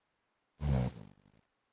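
One deep, rough, rumbling snore that fades into a few fluttering pulses, like an engine revving down.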